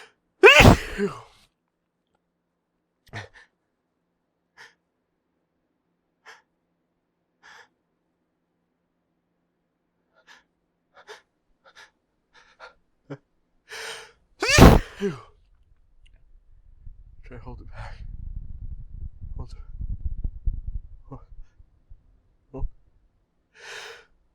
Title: More huge hitchy buildup sneezes (and failed attempt to talk and hold back)